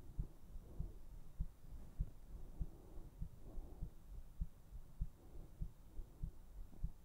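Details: Steady heartbeat for an ASMR sleep recording: soft thumps at about 98 beats a minute with a low hum; regular rhythm.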